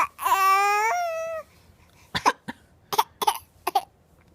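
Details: Six-month-old girl recovering from a cold makes a drawn-out cry-like vocal, then several short, light, deliberate fake coughs for attention.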